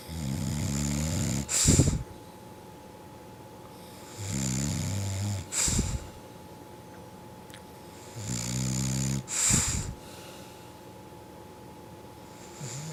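Three rhythmic snores about 15 a minute, each a rumbling in-breath ending in a short snort or puff out: snoring during sleep.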